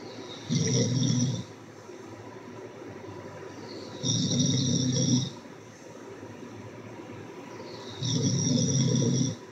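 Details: Loud, rough snoring with regular inhalations about every four seconds, roughly 15 breaths a minute, separated by quieter exhalations.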